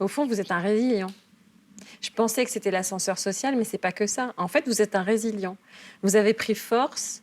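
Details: Adult woman speaking French; Normal speech.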